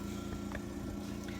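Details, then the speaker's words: Steady low motor hum with a constant drone and faint rattle from a repurposed medical oxygen concentrator running under a table, supplying a lampwork glass torch. "If you can hear in the background a motor running, that is my oxygen concentrator."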